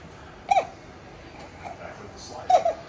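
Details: Baby boy at burping time: two sharp, brief vocal catches about two seconds apart with quiet room sound between; infant hiccups.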